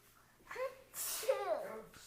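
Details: Two-year-old toddler with a runny nose making a pretend sneeze: a breathy intake, then a sharp, voiced hissing burst; a fake, imitated sneeze.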